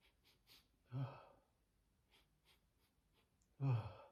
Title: 4 big sneezes